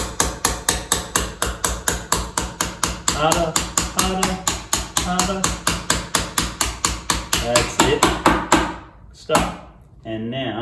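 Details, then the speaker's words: Simulated keyhole rotator cuff repair demo by a shoulder specialist: rapid sharp taps, about 85 a minute, with faint talk, as a mallet drives a suture anchor into bone; surgical mallet tapping. "and this will slide down through here into the hole and now it's going to use her mallet and hit tap that down all the way"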